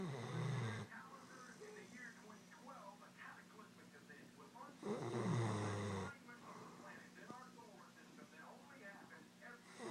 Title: Snoring dog